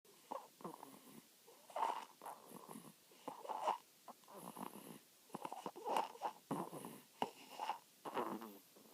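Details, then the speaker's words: 2-week-old sleeping puppy making soft, irregular snuffling snores with small squeaky breath noises; snoring. "Leaf is 2 weeks old and he already snores like this."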